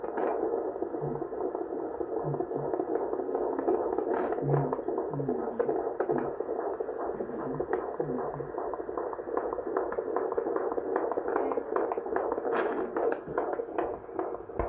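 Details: Rapid, regular whooshing pulses at about 150 beats a minute from a healthy male fetus at 20 weeks 3 days in the mother's fourth pregnancy, heard on Doppler; fetal heartbeat.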